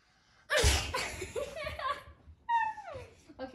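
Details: Person's deliberately fake, simulated sneeze: a loud, forceful sneeze-like burst, not a real sneeze, then a brief high yelp as a 12-week-old pug puppy is scared by it.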